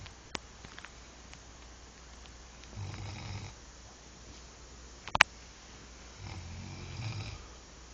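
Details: Male asleep: two soft, low rumbling snores about every three to four seconds over faint room hiss, with a brief click between; light snoring.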